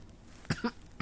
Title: bayi batuk batuk